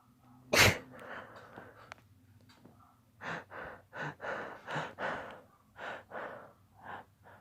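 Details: Adult suppressing sneezes: one sharp burst, then a series of short muffled bursts with hissy air through the nose and held breath.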